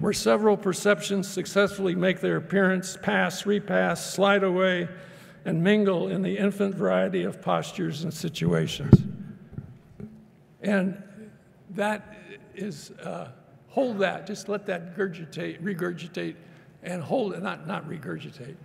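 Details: Wernicke's aphasia in an adult man with severely disrupted language.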